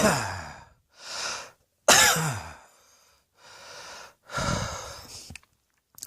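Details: Adult lounging on a bed, belly heaving, gives several harsh, breathy coughs with noisy breaths between them; repeated coughing.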